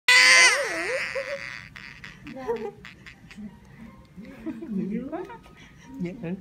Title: The first cry of baby girl after birth